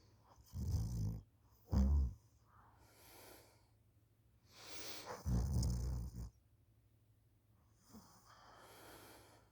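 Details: Student snoring while napping on the couch after school, recorded by parent: low, rumbling, irregular breath noises with snorting bursts and softer airy exhalations between them.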